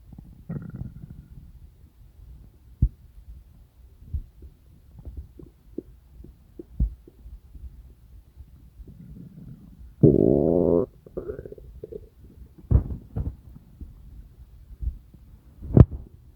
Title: Stomach Rumbling sounds | real digestive noise & satisfying